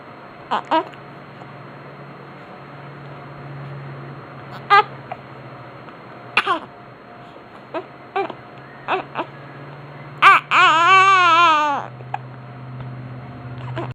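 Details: Infant: several short, sharp hiccups at irregular intervals, a yawn, then a brief wavering cry lasting about a second and a half.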